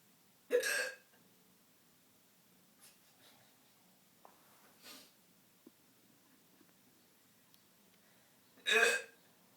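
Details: Incidental hiccups in a person who says they have always had hiccups like this: sharp, abrupt voiced hiccups, two loud ones about eight seconds apart with softer catches between, in a quiet room.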